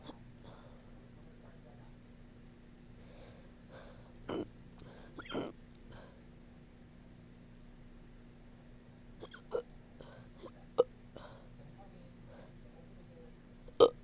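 Quiet room with a steady hum; several short, abrupt throaty catches at irregular intervals, consistent with hiccups.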